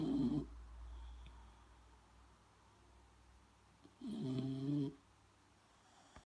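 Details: Dog snoring, reportedly even while awake: two low, rattling snores about four seconds apart with quiet breathing between; snoring.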